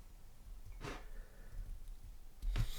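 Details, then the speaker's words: About 10-year-old sleeping dog snoring in the room. "she's not dead she's just sleeping you can hear her snoring she's always there so sometimes I have to kick her out because she's a little noisy when I'm making my videos"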